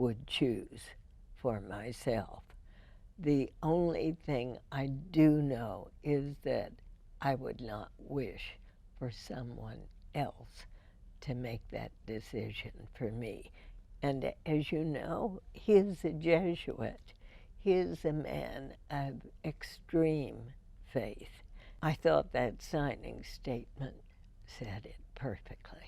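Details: Adult woman (radio host) with spasmodic dysphonia diagnosed in 1998, treated every four months with botulinum toxin injections into the vocal cords; her voice is described as imperfect with deliberate pacing; spasmodic dysphonia.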